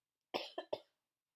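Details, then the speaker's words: An adult with COVID-19 coughs while talking, then apologises for the COVID cough. "sorry, COVID cough."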